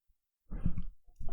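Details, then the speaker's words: Sleeping dog snoring: one low, rough, rumbling breath about half a second long and the start of another, in a quiet room. "can you hear my dog snoring she's so"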